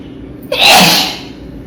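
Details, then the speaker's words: Sneezing and nose-blowing challenge, part 18: a single sharp, explosive sneeze with a brief intake before the burst, then quiet. "So guys, sneezing and nose blowing challenge part 18. Do watch this video and put a like and a comment to it."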